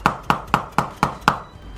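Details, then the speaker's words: Six evenly spaced sharp wooden taps, about four a second, from a mallet used to correct spinal alignment as part of treating degenerative knee arthritis. "아 이와 같이 이제 망치로 교정을 하게 되면 위험성을 말씀하시는 분이 있는데 그 환자의 상태에 따라서 어 시술자 에 감각으로 교정을 하고 또 그 사람 현재 나이와 그런걸 병력을 모두 합쳐서 고려한 다음에 교정을 하기 때문에 어 심하게 하거나 또 우리 하는 그런 교정을 하지 않게 됩니다"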